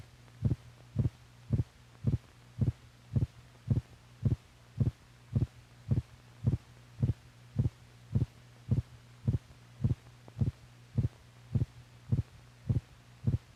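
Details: Heart sounds from an old (possibly 1950s) teaching film for doctors: regular, dull heartbeat thumps at about 107 beats a minute over a steady low hum.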